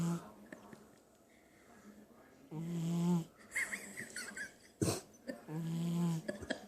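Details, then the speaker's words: Dog snoring while asleep, with the owner calling to wake him: low, droning, tonal breaths at about 20 a minute between brief human voice calls; ordinary snoring. "yo yo the freakin snore in your hat off bro what are you doing man"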